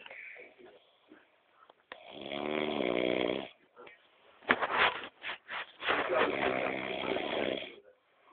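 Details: Brother snoring: two long, loud, buzzing snores with a few snorting breaths between them.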